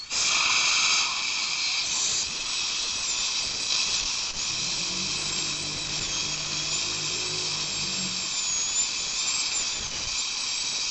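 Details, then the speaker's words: Steady high-pitched whine of a high-speed dental drill with hissing water spray, cutting tooth number 20 on a manikin during composite filling practice. Normal working sound. "then we're going to go ahead and start drilling let's turn it on"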